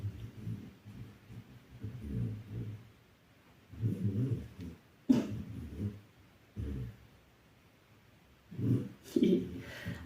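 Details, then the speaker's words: Sleeper in very deep sleep snoring loudly. "I don't know if you can hear it I hope you can hear it she's snoring really loud"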